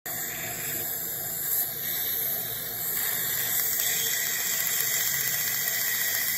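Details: Er:YAG erbium dental laser (LiteTouch) removing caries from a child's deciduous tooth without anesthesia: steady high hiss with rapid pulsed squeal and water spray.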